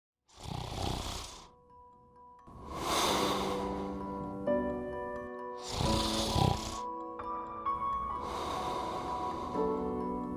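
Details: Acted snoring in a review of SPIROcare Smart Cricket, a chest- or abdomen-worn device for positional snoring and sleep apnea: four loud, rough snores about 2.5 seconds apart over background music.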